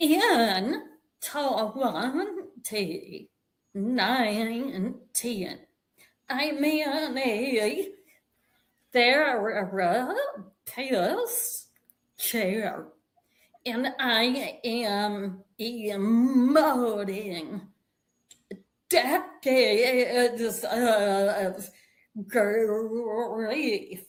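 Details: Woman with a real vocal tremor, which the host says developed after over 50 years of narcissistic abuse and trauma that began at age five, and which she describes as manifesting physically in her body and nervous system; vocal tremor.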